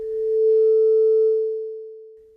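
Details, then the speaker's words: Simulated pure tone that swells and fades, demonstrating that changes in intensity are heard as changes in loudness; the normal ear's range runs from about 0 to over 100 decibels. "Intensity is another physical characteristic of sound. When listening to sound, we perceive changes in intensity as changes in loudness. The normal ear can perceive very soft sounds to very loud sounds."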